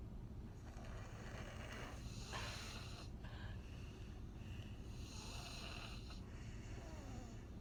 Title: Snoring in the car